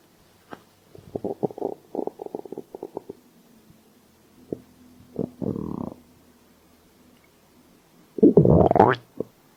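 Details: Bursts of low gurgling and rumbling from the belly with quiet gaps; stomach growling (borborygmi) typical of hunger.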